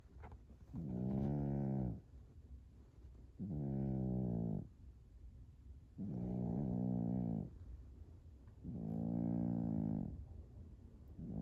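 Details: Small female cat sleeping and snoring loudly in rumbling bursts about every two and a half seconds, roughly 22 a minute; she later died of cancer.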